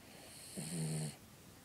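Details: Small dog snoring, worsening over the past hour: a single low, rattling snore on the in-breath, with quiet room noise before and after.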